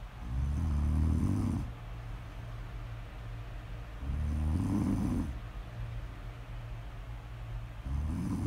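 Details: Low rumbling snores on each in-breath with quieter out-breaths between, about two cycles in eight seconds; ordinary snoring during sleep.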